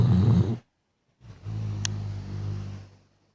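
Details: Snoring from an owner's dog, who snored loudly often: low, rumbling breaths, a brief noisy burst and then a longer droning one.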